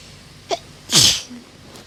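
A short intake of breath, then one loud explosive sneeze; a hay fever sneeze.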